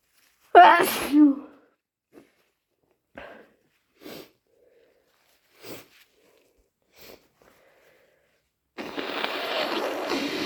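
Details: Induced wet hay-fever sneezes: one loud wet sneeze with a sharp indrawn breath, then several brief sniffs and a burst of rustling.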